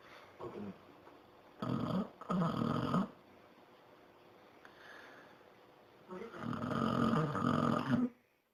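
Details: Sleeping Pepe snoring: loud, rough bursts, some long and rattling, with quiet pauses between them, in a small room.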